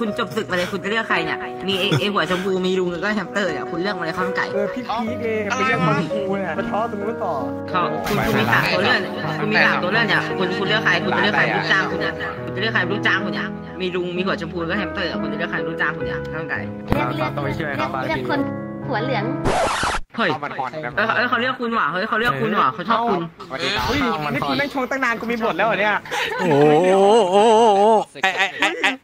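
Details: Adult male speaker in an online game; fluent speech.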